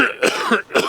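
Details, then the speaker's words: Climber at Everest base camp (about 17,500 ft) with Khumbu high-altitude cough from heavy mouth-breathing of cold dry air, voice lost: about three short, dry, harsh cough bursts in quick succession. "Everybody's stopped up, thin voice, coughing all the time. They call it the Khumbu cough."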